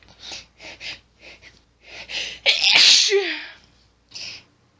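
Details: Female stifling her sneezes, which sets off an intense rapid fit of hissing stifled sneezes with heavy hitching in-breaths, then one loud full sneeze and a final stifled one.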